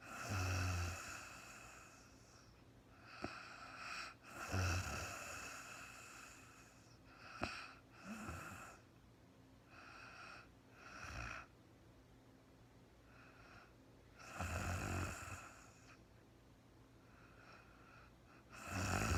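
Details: Real-time recording of an adult woman sleeping after being very tired: slow, irregular breaths with soft snoring and snorting noises, about 14 breaths a minute, over a steady background hiss; light snoring.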